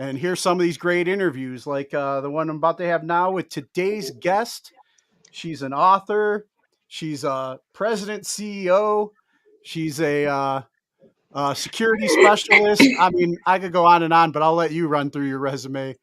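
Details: Adult male speaker; Normal speech.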